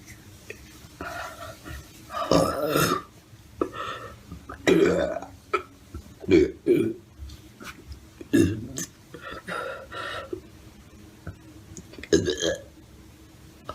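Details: Series of about six loud, rumbling belches separated by quiet pauses; repeated burping.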